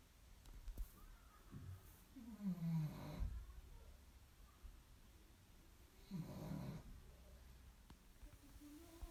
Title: Funny dog snoring 💤 Vă întrebați cum sforăie un PUG/MOPS? Aisha vă face o scurtă demonstrație 😍💤🐷😴